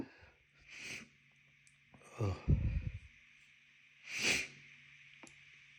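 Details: A short in-breath, then a wet, explosive sneeze from a tickling nose, with fainter sniffs before and after against a steady background hum.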